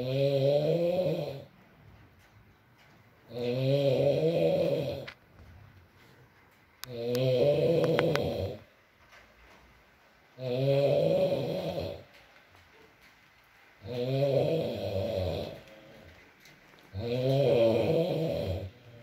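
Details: Adult male (boyfriend) asleep, ASMR recording with rain in the background: loud rattling snores on each breath, about 18 a minute, with quiet pauses between; snoring.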